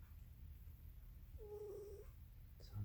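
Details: Sleeping female tuxedo house cat, possibly dreaming, snoring; soft, steady low rumbling breaths with a brief high squeaky whine in the middle.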